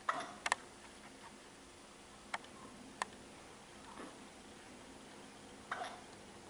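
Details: Hiccups recorded during a tough, ongoing bout of hiccups.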